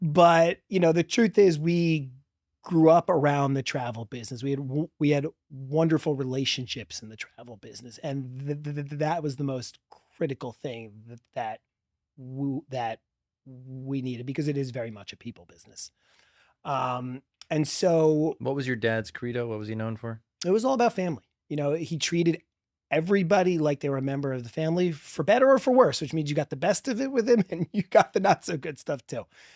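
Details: Adult man who has stuttered since childhood and describes a strong stutter with blocks; finding: stuttering.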